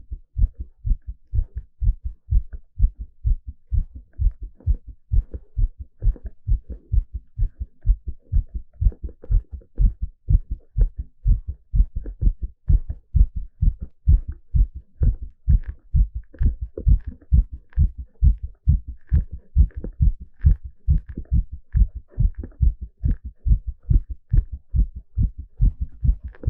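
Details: Fast, regular low heart thumps recorded live during an ECG exercise stress test: normal heart sounds sped up by exercise.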